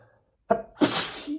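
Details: One of 100+ sneezes from a male, all recorded the same day: short breath-in catch then one sharp hissing sneeze burst; ordinary sneeze.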